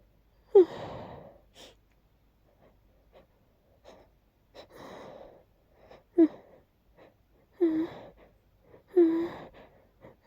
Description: That one sneeze was a little stuck but eventually the sneezes won 🤧